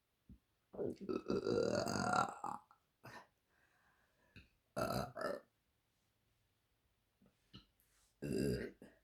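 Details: Woman ("queen of burps") burping deliberately: several loud, drawn-out, voiced and rumbling belches with short pauses between them.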